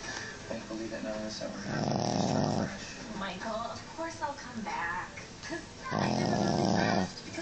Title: Snoring Chihuahua